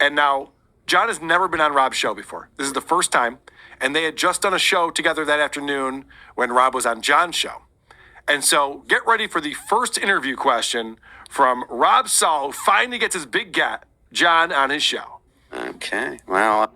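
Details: Adult male commentator; no disorder.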